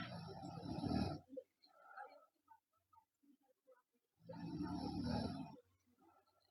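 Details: Sleeping girl giving two loud, rough, rattling snores on inhalation about three seconds apart, with quiet breathing noise between; loud snoring.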